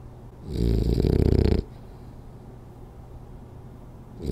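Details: French Bulldog snoring hard during a 10-minute nap: a loud, rough, fluttering snore on one breath, then quiet breathing before the next snore; snoring.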